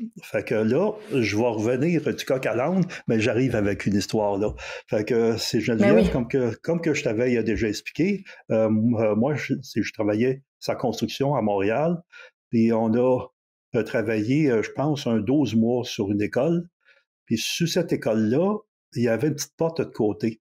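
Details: Stuttering in a 64-year-old recently retired adult who decided to change his relationship with stuttering after retirement; speaking French.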